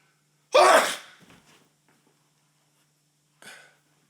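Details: One loud, explosive adult male sneeze from a tickly nose, then quiet breaths and a short sniff; an ordinary sneeze.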